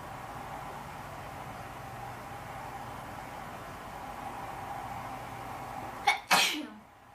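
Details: Induced sneezing in a person: steady room hum, then a quick catching in-breath and one explosive sneeze.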